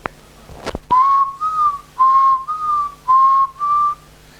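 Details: During a lecture on homeopathic management of cough, the speaker gives a few clicks, then six short, slightly rising and falling musical whistled notes imitating stethoscope-heard wheezing; wheeze (imitated), not a real patient.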